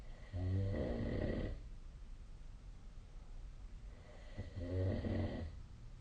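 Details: Snoring recorded with the SnoreLab app, 2025/01/26: two loud, low rattling snores on breathing in, about four seconds apart, with quiet breathing between.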